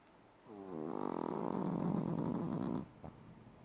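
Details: Loud snoring from a chihuahua.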